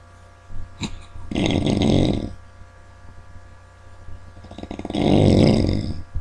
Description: It's a shame to be sleeping this hard!